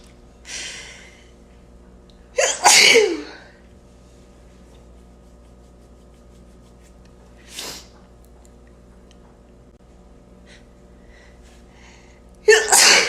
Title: Happy 4th sneezes !!